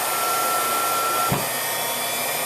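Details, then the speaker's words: A cough assist machine for a patient who cannot cough, inflating the lungs then exhaling to clear stuck fluid, used during breathing treatments: steady loud whooshing motor noise like a vacuum cleaner. "He can't cough, and so this machine helps to inflate his lungs, and then it does an exhale to help remove any of the fluid that may have gotten stuck in there. So this is a little bit loud. Again, it sounds pretty much like a vacuum cleaner."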